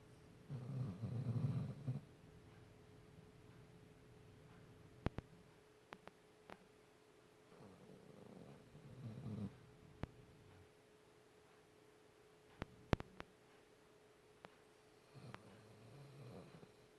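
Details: A sleeping dog snoring: low rumbling snores in a quiet room, about three breaths in seventeen seconds, with a few faint clicks between them.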